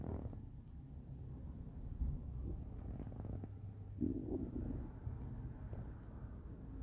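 Low rumbling and gurgling from the belly, with a louder bubbling gurgle near the middle.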